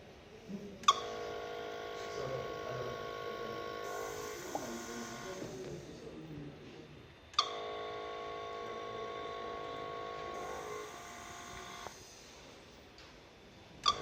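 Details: Mechanical ventilator cycling: a click followed by a sustained tonal whine, repeating about nine times a minute.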